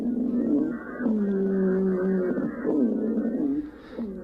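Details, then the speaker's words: An example breath sound, not necessarily from an RSV or bronchiolitis patient: musical, whistling tones on both breathing in and breathing out, an inspiratory and expiratory wheeze. "that's not necessarily a rsv patient or a bronchiolitis patient we're talking about here because that sounds like it's a inspiratory and expiratory wheeze"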